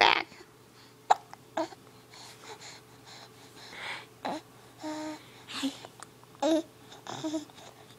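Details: Baby boy with hiccups while trying to laugh: several short, sharp catches of breath at irregular spacing, with soft baby vocal sounds between; infant hiccups.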